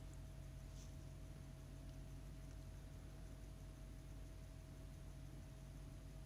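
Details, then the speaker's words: Steady low suction hum with faint hiss as an ear microsuction probe hovers over dry, crusted, impacted ear wax pushed in by repeated cotton bud use; suction fails to move the wax, sound unchanged. "So, I'm trying to hover over it, but it's just not generating enough suction"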